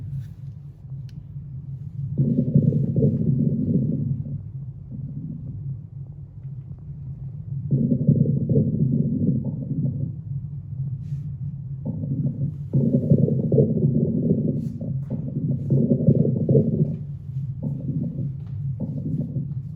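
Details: Normal active bowel sounds on abdominal auscultation: low rumbling gurgles coming in waves over a steady low hum.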